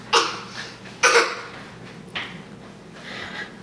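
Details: Child pretending to cough to get a cough drop gives three short, forced coughs, two strong and one softer, in a quiet room: voluntary cough.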